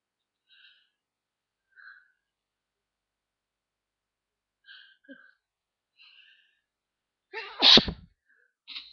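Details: Deliberate attempt to produce sneezes while on holiday in the snow: faint breathy sounds in a quiet room, then one loud, sharp, ordinary sneeze near the end.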